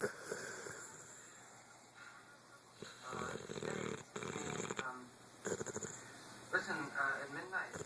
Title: Snoring booboo boy